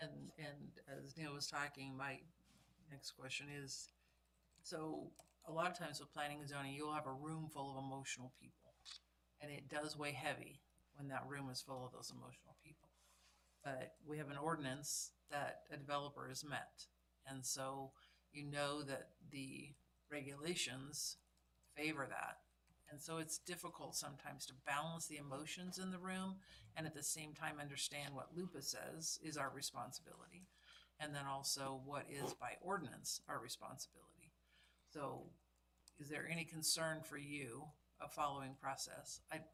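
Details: Adult male speaker in a meeting room; ordinary speech.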